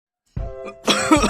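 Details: Acted cough in skit advertising herbal cough medicine: single short, forceful cough burst by an adult over soft background music.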